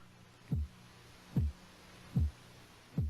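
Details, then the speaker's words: Korotkoff sounds heard by stethoscope at the elbow during blood pressure measurement as the cuff deflates: regular low thumping taps about 74 a minute, first heard near 160 mmHg systolic, disappearing at about 102 mmHg diastolic. "now the pressures dropping you can hear the heartbeat you're listening now for when does the heartbeat disappear and that will be the diastolic pressure the low pressure"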